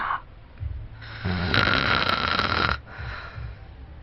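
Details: Loud, harsh, rattling snore on an in-breath lasting over a second, with softer breathing around it, from a sleeping adult man (girlfriend's recording of her boyfriend): snoring.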